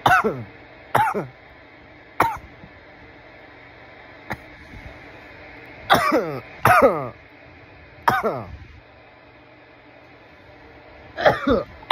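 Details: Coughing fit after smoking from a bong: a series of harsh, hacking cough bursts in short runs; irritant cough.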